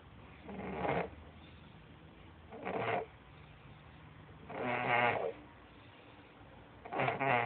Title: Snoring....like a chainsaw